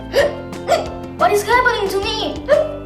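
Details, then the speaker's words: Simulated hiccups: cartoon voice giving several sharp, squeaky vocal hiccups over background music, in a children's cartoon noting hiccups can follow eating fast, fizzy drinks or laughing too much. "Hiccups to happen if you eat so fast, drink fizzy drinks, or even laugh too much."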